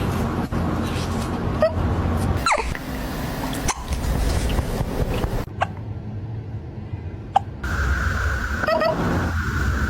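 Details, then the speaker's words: A cat has hiccups while someone talks soothingly to it. "oh baby you're okay honey come here are you crazy filling my kid look at me you have the hiccups"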